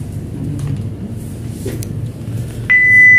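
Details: Steady electronic prompt tone from a Philips defibrillator during a routine operational check (knob turned to 170), over low room rumble and handling clicks.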